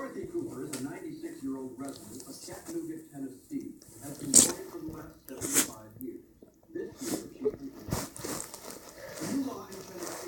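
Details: Sneezing in a boxer dog with an itchy nose: snuffling, nasal snorts, a couple of sharp sneeze bursts and repeated sniffing in a small room.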